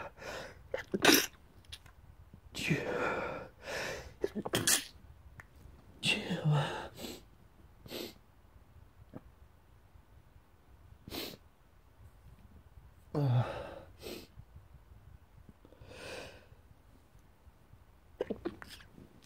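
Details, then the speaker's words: A run of repeated sneezes with sniffs and quiet breaths between them, an allergic-type sneezing attack; daily morning attacks in February, which the person blames on dust and mold in the house. "So I keep sneezing. Every morning, just really need to clean so much dust and mold in this house."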